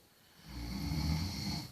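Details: A single low, rumbling snore on the in-breath during sleep.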